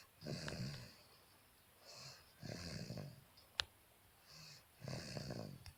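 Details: Rough, rattling snores on each breath in with quieter breaths out, about 25 breaths a minute; ordinary snoring.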